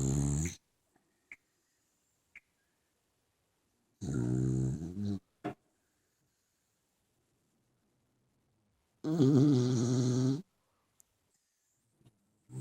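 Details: Dogs Dante and Han snoring during sleep: loud, rumbling snores on the in-breath about every four to five seconds, with quiet pauses between; snoring.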